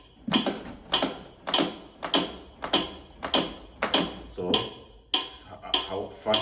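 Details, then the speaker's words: Adult AED training demonstration after shock not advised: sharp, evenly spaced clicks at about 100 a minute, the AED's metronome pacing chest compressions during 30 compressions and 2 breaths of CPR. "So you carry on your chest compressions now. It even gives you a rhythm to follow."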